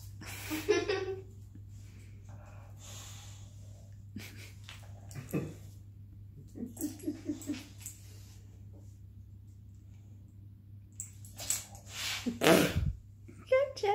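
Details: Boxer dog sound asleep, not woken by the noise: irregular, loud, snorting, rattly breaths with a steady low hum in the background; dog snoring during sleep.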